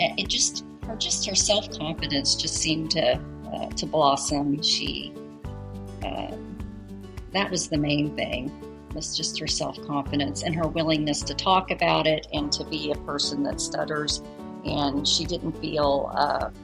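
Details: Adult speaker; typical speech.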